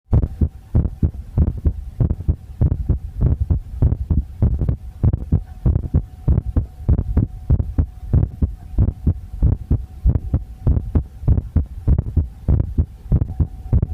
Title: visible heartbeat (sorry for bad sound 🙃)